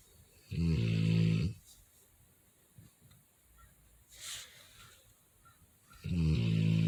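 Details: A sleeping Rottweiler snores loudly like a grown man, with low, rattling snores on each in-breath and a soft exhale between; snoring.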